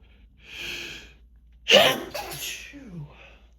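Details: Sneezing spree: breathy wind-up, then a sharp, forceful sneeze burst and trailing exhale; possibly staged or exaggerated.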